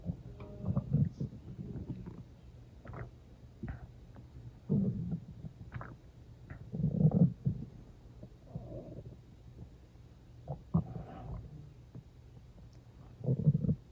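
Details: Loud stomach growling (borborygmi) heard as irregular low gurgles and rumbling squeaks in bursts; the person was not very hungry, had eaten not long before, and drank water toward the end.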